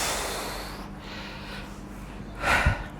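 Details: Man with painful, stiff frozen shoulder during manual muscle-release treatment: a noisy breath out through the nose, then a sharp snort-like gasp near the end; a brief nasal snort.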